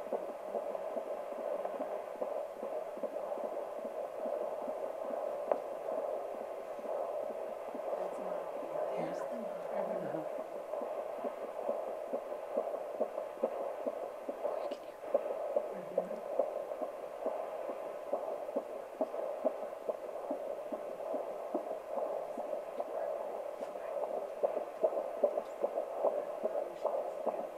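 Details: OB nursing simulation fetal heart tones: rapid, whooshing fetal heartbeat of about 140 a minute from a simulator, normal fetal heart tones.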